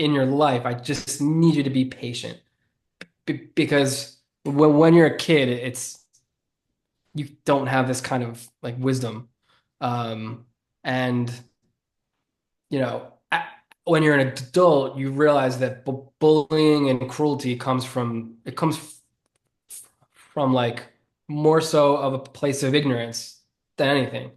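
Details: Adult man who has stuttered since childhood and says it is audible in his speech. Finding: stuttering.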